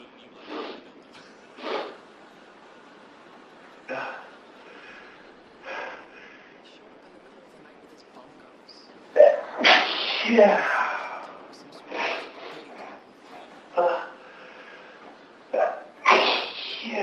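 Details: Sudden, prolonged sneezing fit: a run of sharp sneezes in close succession over television speech in the background.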